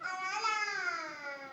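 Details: Sustained, high-pitched wailing cry with a slightly falling pitch from a toddler in a quiet room, in a home recording of a baby's jealousy toward a dog; ordinary child crying.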